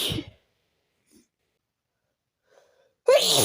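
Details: Sneezing fit induced by taking chhinkni (sneezing) powder: a loud, forceful sneeze burst, near silence, then the start of another sneeze, with snorting and nose blowing.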